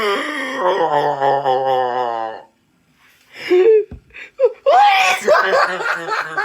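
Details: Person showing how bad their wheezing is: a long, drawn-out, whistling, squeaky sound during laughter, followed by breathy laughing bursts; wheezing.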